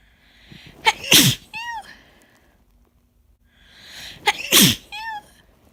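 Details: Person with an easing cold and a constant tickle deep in the nose, deliberately inducing sneezes, which were very messy: two full sneezes, each a rising in-breath, explosive burst and short voiced tail.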